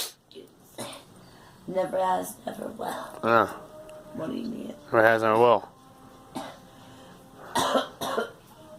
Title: Girl coughing